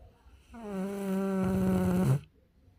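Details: Ferry snoring unusually loudly for the first time gives one loud, buzzing, tonal snore of about 1.5 seconds that grows rougher at the end; snoring.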